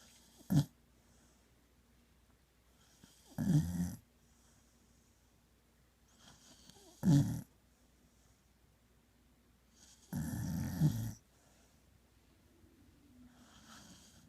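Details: Female dog snoring while asleep in a quiet room: short low snorting snores at irregular intervals, about four in fourteen seconds.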